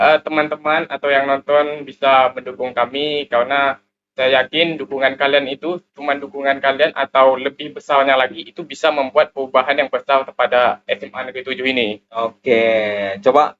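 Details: Indonesian high-school student and school council chair candidate who says he is 'cadel', unable to pronounce certain sounds, typically /r/, which the host confirms is audible; rhotacism (r-sound articulation disorder).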